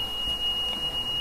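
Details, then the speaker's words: Long, loud start-up alarm tone from a ventilator just switched on with the rear power button, during a teaching demonstration on ventilator use; ventilator start-up alarm tone. "นี้ว่ามันจะมีเสียงดังยาวแบบนี้นะเดี๋ยวเราก็กดalarmผิดอ่ะ"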